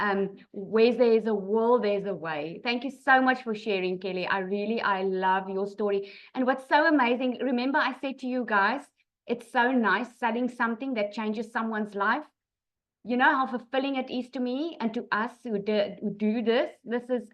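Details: Adult woman; ordinary speech.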